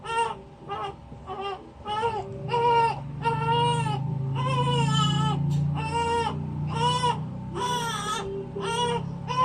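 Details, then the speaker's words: Baby girl, fresh from the bath and not yet fed, cries in repeated rhythmic short bursts about 85 a minute with faint hum behind; upset hunger cry while being dressed. "ganda ganda naman yan gutom na po kasi inistore ba sa slip ng mama t's hindi pa nadede po kaya gutom na po yan kaya nagagalit na."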